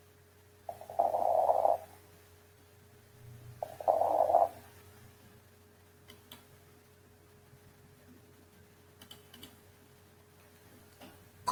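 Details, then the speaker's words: Pneumonia: auscultation signs of consolidation, namely decreased air entry, crackles and bronchophony; two rough breath sounds over a steady hum, then faint scattered clicks, consistent with crackles with consolidation. "la oscultación característica que son los signos de consolidación: disminución de la entrada de aire, la presencia de crepitantes y la broncofonía."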